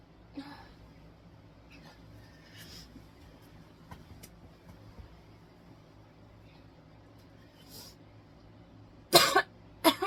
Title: Coughing and Choking